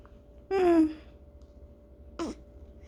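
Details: A 15-day-old newborn girl with hiccups, also sneezing. Two brief, voiced hiccup sounds in a quiet room, the first with a short squeak. Ordinary infant hiccups.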